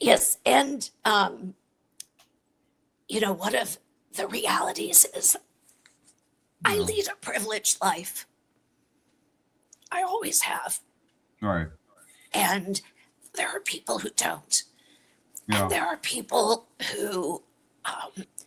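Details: Adult woman with chronic dysphonia, a voice disorder, treated with Botox injected into the vocal cords every three months; real patient speaking; dysphonia.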